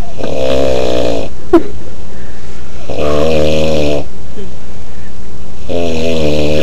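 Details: Very loud, deep, vibrating snores about a second each with short pauses and a brief sharp noise between, from a man sleeping; heavy snoring.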